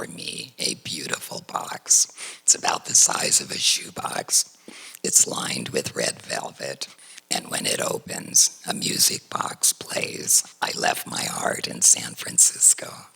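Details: Adult woman whose larynx was surgically removed for cancer, speaking without a larynx; alaryngeal speech after laryngectomy.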